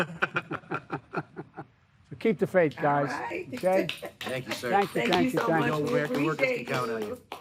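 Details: 13-year-old boy who stutters, reading aloud an address marked to make it easier to say; stuttering.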